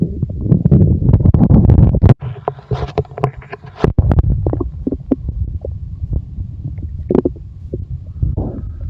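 Low gurgling and rumbling with irregular bubbling pops and rubbing noise: ordinary bowel sounds, stomach growling.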